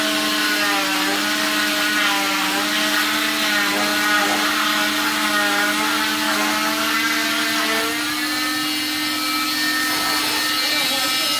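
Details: Oscillating cast saw removing a patient's 5th cast in 7 months, with sensitive skin causing contact dermatitis reactions: a steady, high whining buzz with a faint hum beneath.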